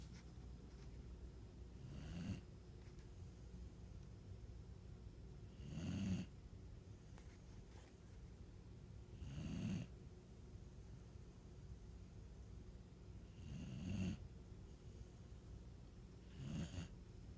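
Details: Sleeping dog snoring: low rhythmic snores roughly every four seconds, about 15 breaths a minute, with a faint whistle on each.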